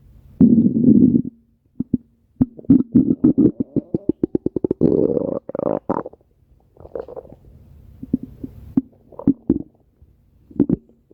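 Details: Woman's stomach growling, recorded at her belly: loud gurgling growls with a rapid run of bubbling pops and longer rumbles; ordinary bowel sounds (borborygmi).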